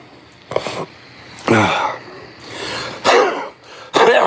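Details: Coughing fit in an adult in a small room: about four harsh, forceful coughs in quick succession with short pauses between them.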